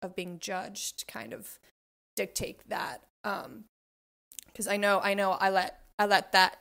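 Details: Adult guest who identifies as a covert stutterer, often hiding it by substituting words, avoiding situations and staying quiet; word and phrase repetitions audible; covert stuttering.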